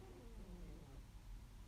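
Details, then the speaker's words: Pet cat snoring while fast asleep, heard in the background. "is my one of my cats snoring so if you can hear him please excuse him he's fast asleep"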